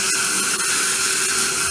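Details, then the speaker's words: Dental implant surgery, extraction socket with GBR: high whining implant drill, continuous with brief dips as it engages bone, drilling along the palatal wall before implant placement. "And then take a drill. Made a drilling hole like this along the palatal wall, and now I'm placing implant."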